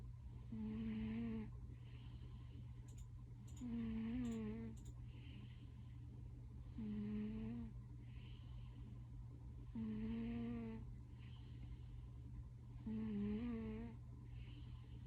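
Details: Sleeping cat, a very loud snorer: regular, loud, whistling tonal snores, about 19 breaths a minute, over a steady background hum.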